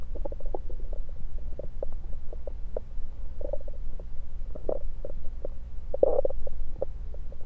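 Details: Bowel sounds through a stethoscope moved around the belly (10/16/23), recorded mainly to show stethoscope placement: low gurgles and bubbling rumbles.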